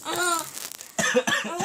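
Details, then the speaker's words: A small child makes a brief forced, playful cough on request, imitating a "poor person's cough," followed by short laugh-like bursts; a voluntary cough, not a sign of illness. "Iya, ini batuk orang susah nih."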